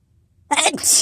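Silence, then a single loud, sharp sneeze burst with a breathy hiss after it: an ordinary sneeze.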